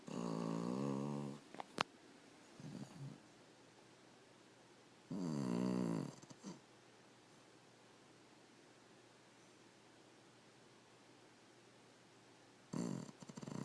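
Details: Sleeping dog snoring; a few loud, rattling breaths separated by long quiet pauses, faint click early on.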